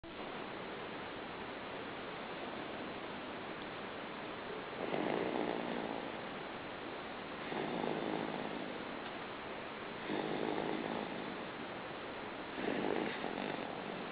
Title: Baby snores